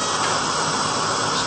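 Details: Fractional CO2 laser skin resurfacing for sun damage and fine lines around the mouth and on the chest: steady loud hiss with no clear pulses, the laser, likely with its smoke evacuator, running as the scanner places small thermal dots in the skin.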